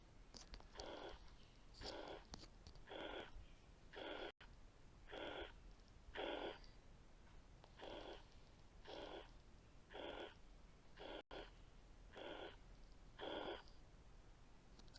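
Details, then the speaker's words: Mitral regurgitation example from a pediatric cardiology teaching session: a regular blowing holosystolic murmur fills each systole, hiding the first heart sound (S1). "احنا قادرين نميز الاس 1؟ لا، لانه مستخبي في الصوت اللي مسموع طول فتره السيستول."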